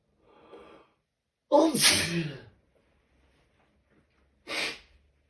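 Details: Possible start of a cold: a soft inward breath, then two sharp, forceful sneezes in quick succession; a sneezing fit.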